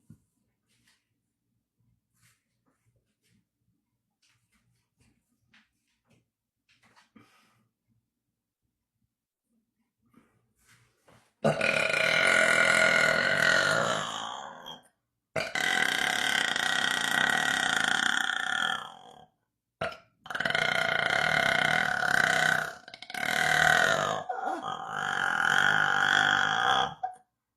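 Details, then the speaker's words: Young woman belches four times after a quiet stretch: long, loud, deep voiced belches lasting several seconds each, called her longest ever. "Esse foi o arroto mais longo que eu dei."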